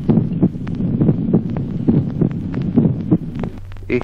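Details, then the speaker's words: Teaching recording: manifest doubling of the first heart sound, a wide split S1, in a heartbeat near 68 a minute. "ejemplo sexto duplicación del primer ruido cardíaco división manifiesta del primer ruido"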